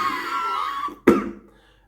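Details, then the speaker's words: Adult with a hoarse voice who says they cough a lot: about a second of voiced, hoarse throat noise, then a single sharp cough in a small room. "thank you so much for watching even though I cough a lot I sound like this and I guess you probably can't even hear what I'm saying sometimes"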